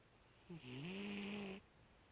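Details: A single drawn-out, faintly tonal breath from a cat sleeping with his eye open, over quiet room noise: snoring.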